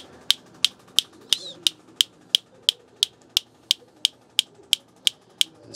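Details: Sharp, evenly spaced clicks at about 176 a minute from a focused shockwave therapy unit firing, aimed at swelling and inflammation on the Achilles heel for heel pain, at a mildly uncomfortable pressure; over faint room noise.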